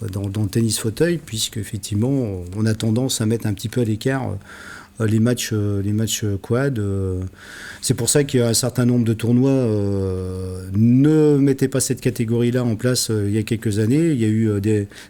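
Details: Adult man speaking French; ordinary speech.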